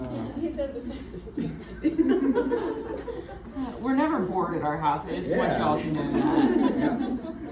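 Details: Adult woman; typical speech.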